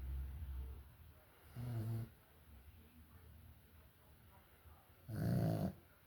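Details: Small pet dog, Mel, asleep and snoring: two short, low, rattling snores a few seconds apart with quiet breathing between them.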